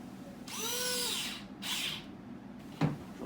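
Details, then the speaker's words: Simulated pediatric respiratory compromise, intraosseous needle inserted at tibial plateau on a training model with powered driver; two short whirring bursts then a sharp click; intraosseous drill insertion. "i'm gonna hold my hand down out of the way over here puncture the skin"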